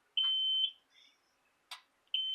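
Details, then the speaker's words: Home hemodialysis machine during dialysate preparation: sustained high-pitched reminder beeps with a click between them, sounding as the lines are connected during setup; the machine's routine reminder beep. "There we go. And it always beeps like that to remind you that of what you're doing."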